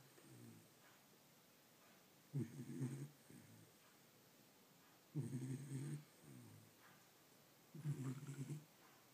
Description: My pet Whopper snores like a human